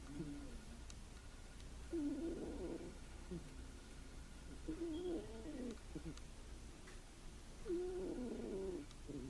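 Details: Blue Russian cat in deep sleep while napping: soft, fluttering, buzzy snores about every three seconds; ordinary harmless snoring.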